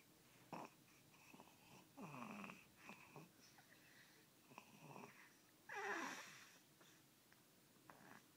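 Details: Irregular snuffling, snorting breaths with wheezy whistling tones in a quiet room during sleep; snoring.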